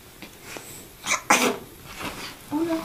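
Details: Small chick sneezing beside a companion animal: a couple of brief, sharp sneezes with room noise and a voice nearby.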